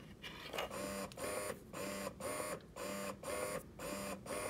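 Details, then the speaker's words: Ameda Finesse portable double electric breast pump motor, used by a first-time mother exclusively pumping for twins: rhythmic mechanical whirring with a short squeak about once a second. She finds it a little louder than her Spectra. "but it's a little bit louder than my spectra which isn't too bad because the fact that this is portable so I'm assuming the motor needs to be a bit stronger"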